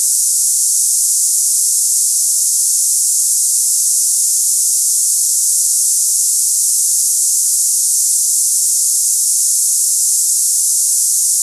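Steady high-pitched hiss with no breaks, a simulated cicada-like tinnitus sound for comparing with ringing in the ears.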